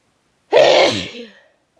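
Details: Single loud, harsh sneeze from someone with a cold, forceful burst of air trailing into a short voiced tail; sneezes that hurt the throat and are harsher than usual when sick.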